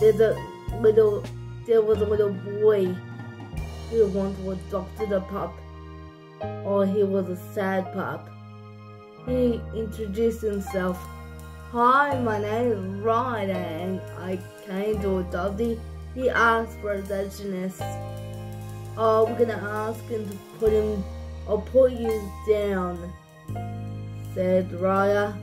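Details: Adult woman narrating a story; dysarthric speech in cerebral palsy.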